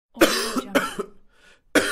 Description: A clear recording of a young male coughing.